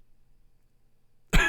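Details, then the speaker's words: Single sudden harsh cough from an adult who says he is still getting over a virus, is coughing a lot, has not slept much and has an audibly affected voice. "I'm still getting over this virus you can hear it my voice coughing a lot"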